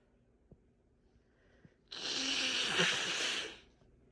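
One forceful, wet, hissing burst of air lasting over a second after a quiet lead-in; a sneeze.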